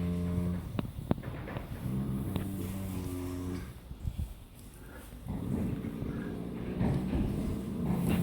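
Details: Friesian horse snoring: two long, low, moan-like snores on slow breaths, separated by a quiet pause, with faint clicks between.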